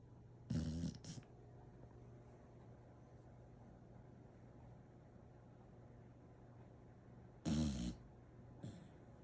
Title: Yes her tone is out and yes she snores, but she’s the best pupper I’ve ever had!!